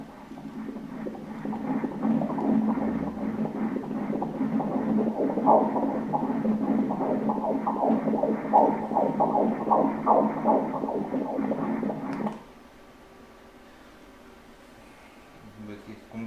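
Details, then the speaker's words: Rapid, regular whooshing fetal heartbeat on Doppler ultrasound at 158 beats per minute, within the stated normal range of 120–160; fetal heartbeat. "Normal कसा असतो 120 ते 160... 158 बीट्स प्रति मिनिट... 1 - 5 - 8 बीट्स प्रति मिनिट [रुग्ण] ते वेगाने धडधडते, बरोबर?"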